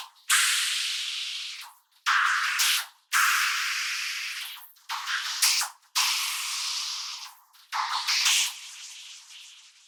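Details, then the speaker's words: Simulated cochlear implant hearing (MED-EL Sonnet 2, single-sided deafness, three months after surgery) reproduced for the working ear: guitar piece as hissy, pitchless bursts with rhythm kept but no recognizable notes. "You can hear the rhythm and it's like the fact that I really hear the rhythm quite nicely ."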